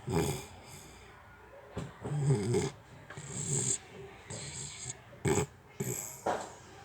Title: Snoring Dog - aso humihilik😮